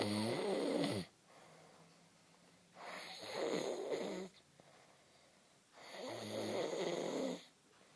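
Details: Loud rattling snores with breathing in and out, about 19 a minute, with quiet gaps between, from a sleeping man; ordinary snoring.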